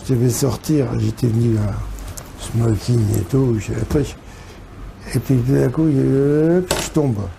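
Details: Man with major stroke after-effects including right-sided hemiplegia and difficulty walking and speaking, seeing a speech therapist three times a week; post-stroke aphasia.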